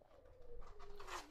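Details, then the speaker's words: Adult's own stomach gurgling (borborygmi) heard mid-speech, a soft, drawn-out gurgling whine that slides downward in pitch. "Oula, désolé, mon ventre n'est pas d'accord. Mon ventre n'est vraiment pas d'accord. Je sais pas si vous avez entendu gargouiller."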